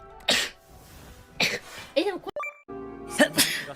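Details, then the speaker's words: About three sharp, explosive sneezes with a brief vocal sound between them, over quiet background music; sneezing from a VTuber stream highlight. "I'm going to sneeze. Excuse me."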